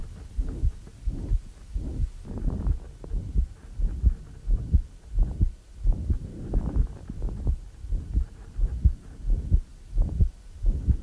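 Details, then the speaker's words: Woman in pulmonary edema with audible crackles and a thrusting precordium; high-frequency holosystolic murmur reaching maximum intensity just short of the apex, consistent with ventricular septal defect. "now we hear the murmur holosystolic high frequency we're not quite to the apex and it's reached its maximum intensity"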